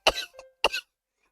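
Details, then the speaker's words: Two short, sharp coughs from a woman, each an abrupt burst with a brief noisy tail; an onlooker reacts as if her throat were tearing. "방금 기침 뭐야 아 목구멍 찢어지는 거 아니야"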